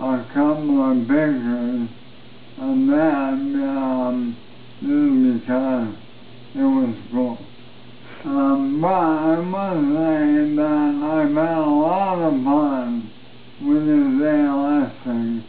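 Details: Man with ALS, recorded 10 December 2012, with wasting arm and hand muscles, major weight loss, and no longer able to walk; says his voice has changed dramatically and sounds 'really really drunk'; dysarthria (ALS).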